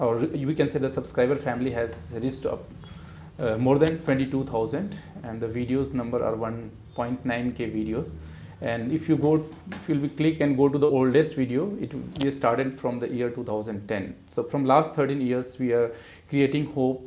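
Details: Adult man speaking; ordinary speech.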